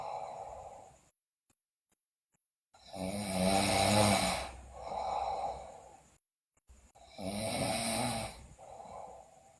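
Two loud, rattling snores on the in-breath, each followed by a softer out-breath, with silent pauses between; loud snoring during sleep.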